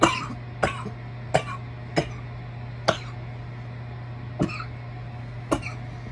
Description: a random mix of audio clips of me coughing while smoking my bong, as a thanksgiving gift. :)